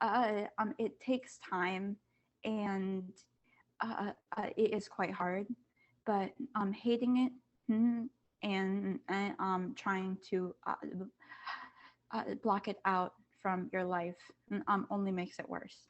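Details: Student who stutters, on a panel of kids, teens and adults who stutter, back at school after online classes; says masks make them even harder to hear. Stuttering.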